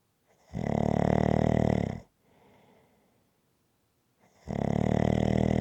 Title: Rhythmic Snoring Sounds ZZzzz